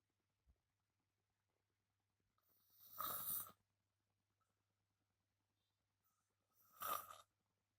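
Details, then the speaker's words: Adult man asleep in a dark room: two loud, harsh rattling snoring breaths about four seconds apart, separated by near silence. "Bukan terlihat ya, maksudnya terdengar suara ngorok alias mendengkur."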